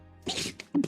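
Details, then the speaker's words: Pet animal sneezing during a live stream, after snoring earlier; unusually forceful for him: a sharp, hissing burst followed by two smaller puffs over background music. "What was that? Did you guys hear that? He's sneezing. Oh, taxi. You okay?"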